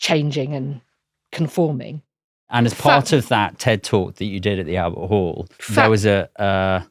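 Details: Adult male speaker; ordinary speech.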